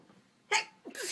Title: Induced sneezing in bed